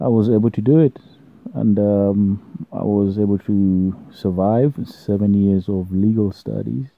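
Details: Stuttering (stammering) in an adult man, present since birth, partly controlled with self-learned fluency techniques.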